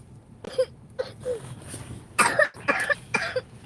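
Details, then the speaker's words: Wet productive cough in someone with a cold and a cough for a couple of days, who tends to swallow the phlegm and is urged to cough hard and spit it out. "got that cold like she always want to swallow it just cough it out and I just don't like that sound"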